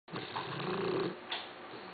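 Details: 14-week-old male Boxer puppy snoring while asleep: a single rough, rumbling snore on the in-breath, followed by a quieter exhale, in a small quiet room.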